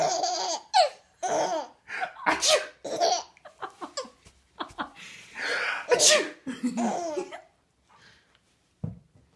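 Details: Repeated sneeze-like bursts mixed with a baby's loud belly laughter at the sneezes; ordinary sneezes.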